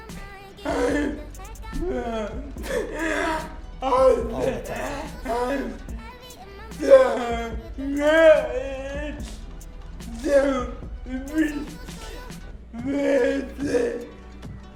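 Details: Adult woman with cerebral palsy caused by lack of oxygen and blood at birth, with a speech impediment, followed by her partner restating her words; dysarthria in cerebral palsy.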